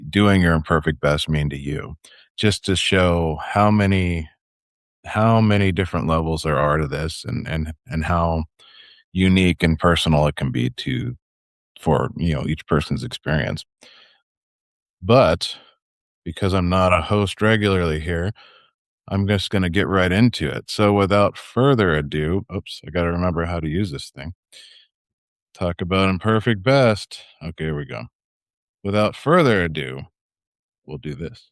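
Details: Adult male speaker; typical speech.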